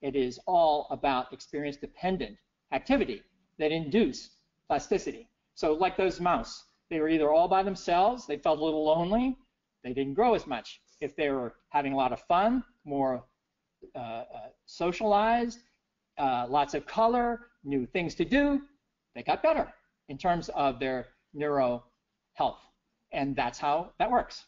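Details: Adult man with persisting aphasia after a stroke in 2011, recorded years later (2017) during recovery; he previously could not read, write or speak well after the stroke; aphasia.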